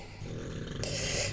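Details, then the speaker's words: Snoring from a pet dog lying nearby, heard in the background during a craft demonstration. "alors si vous entendez des ronflements ne vous inquiétez pas c'est ma chienne qui a décidé de se mettre là et de ronfler"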